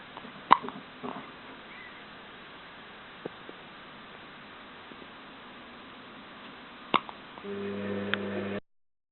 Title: hiccups.avi